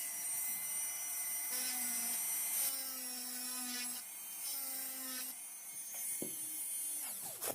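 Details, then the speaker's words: High-speed dental handpiece whining, pitch dipping, while cutting three occlusal depth orientation grooves, one per buccal cusp. Typodont mandibular first molar (#36), full veneer crown preparation. "I'll complete the grooves, and we'll start the discussion after completing the grooves. The second groove. So I've completed the second groove. And now the third groove."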